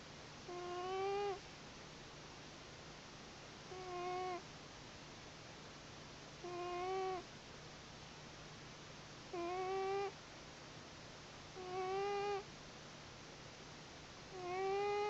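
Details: Cat sleeping on the pillow next to owner's head making short, squeaky, whistling snores about 21 times a minute, evenly spaced; snoring.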